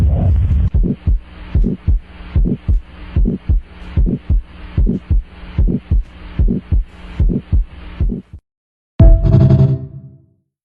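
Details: Stethoscope heart auscultation: steady paired heart sounds, roughly 75 beats a minute, with a low steady hum.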